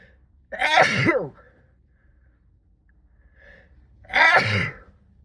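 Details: Two sneezes muffled into a sleeve, with a soft breath between them, during a sixteen-minute sneezing fit brought on by cold weather.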